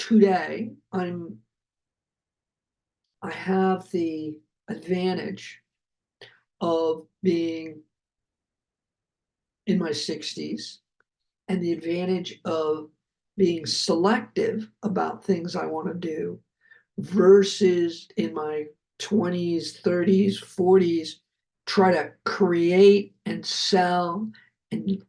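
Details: Adult man who survived a heart attack and has aphasia, speaking just after noting his aphasia was kicking in; aphasia.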